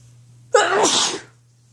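A single sharp, explosive sneeze with a hissing burst of air, over a low steady hum.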